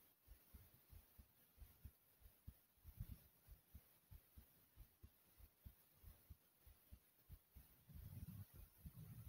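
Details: Heart pounding kinda fast: steady, low, muffled thumps at about 95 beats a minute, with some rubbing noise near the end.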